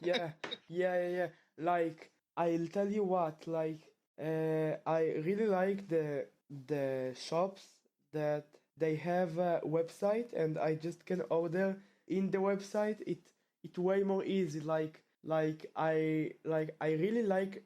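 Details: Stuttering in a male 12th-grade high school student from Israel whose stutter returned after two years of fluency.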